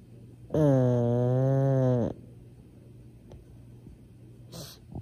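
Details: Pug dog snoring with eyes open, unclear if awake or asleep: one loud, droning, tonal snore of about a second and a half, then quiet with faint rustling and low room hum; snoring.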